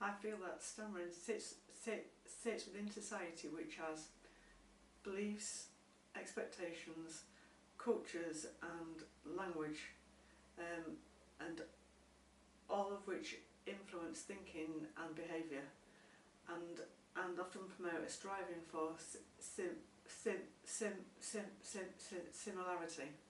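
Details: Adult woman who stammers and has had stammering therapy, with sound and syllable repetitions; stuttering.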